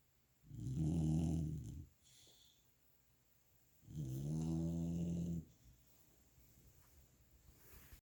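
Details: Golden retriever puppy sleeping after a day of play: two low, rumbling snores on breathing in, separated by quiet breaths, about 16 a minute.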